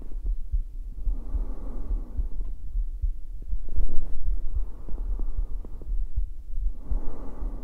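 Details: ASMR roleplay sleeping sounds: steady, muffled low heartbeat thumps with slow, soft whooshing breaths over them; heartbeat.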